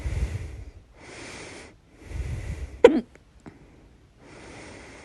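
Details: Loud single hiccup burst midway through noisy breathing, followed by quieter breathing; second bout of hiccups on 4/29/23.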